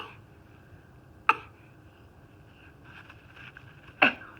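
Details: Two brief, sharp cough-like bursts from a 5-month-old infant, deliberate voluntary fake coughs rather than an illness cough.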